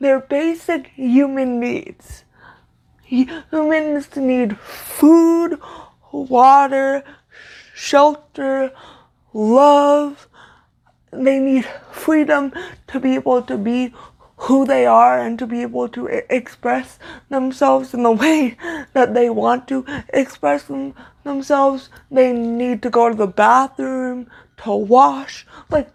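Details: Stuttering in an adult woman with cerebral palsy, a neuromuscular disorder she says affects motor control including speech; her stutter worsens when reading aloud; here spontaneous speech.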